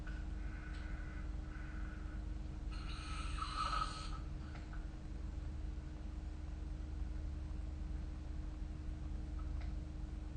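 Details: Snoring during sleep recorded with the SnoreLab phone app: low, steady rumbling with one louder, rasping burst partway through and a faint room hum behind it.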